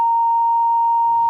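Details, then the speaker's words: Simulated tinnitus: a steady, high-pitched pure tone imitating the ringing in the ears that can accompany high blood pressure. "otros signos y síntomas también asociados a la hipertensión arterial pero menos frecuentes son nerviosismo cansancio enrojecimiento facial o rubicundas acúfenos o tinnitus que se escucharon un sonido parecido a éste"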